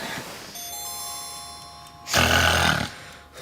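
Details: Snoring in a dramatized French sleep apnea web series, with music and dialogue in the background.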